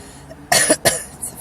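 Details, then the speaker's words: Two quick, harsh irritant cough bursts from an adult woman smoking a Black & Mild cigar for the first time; she says the smoke is strong and is making her voice deeper. Cough. "well I think this is going to be turned into a Black and Mild coughing video and lose the voice I hope I don't lose any m"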